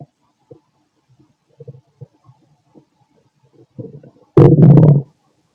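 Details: Bowel sounds from the stomach of a fit adult male, recorded after lunch and a carton of milk: scattered soft gurgles building to a loud, prolonged rumbling gurgle near the end.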